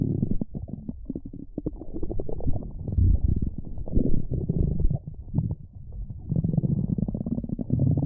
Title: Splendid Stomach Rumbling V5